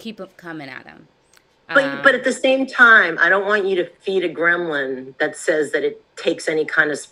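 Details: Adult woman speaking; normal speech.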